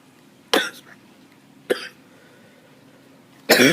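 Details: Coughing fit attributed to allergies: three sharp, dry coughs spaced over a few seconds in a quiet room.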